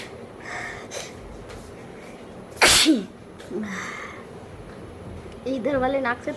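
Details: Woman doing a nose-blowing sneezing challenge, inducing the sneeze with a rolled paper in the nose; her eyes are watering: one forceful sneeze with a sharp burst of air, followed by short vocal sounds.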